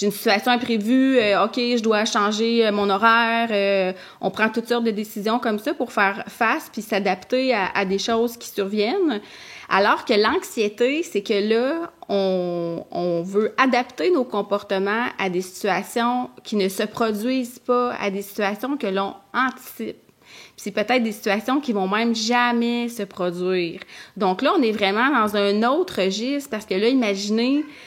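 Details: Adult woman who stutters; stuttering.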